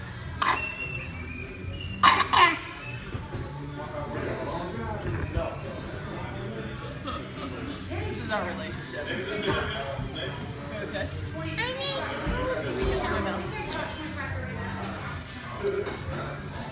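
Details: Young child giving a few short, sharp coughs after kissing his mother's eyes, with adult talk and music in the background.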